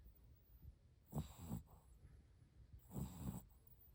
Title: Snoring 😴 time #shihtzu #puppy #crazyoreo #oreothedog #doglover #smalldog #dogsnoring #viral #cute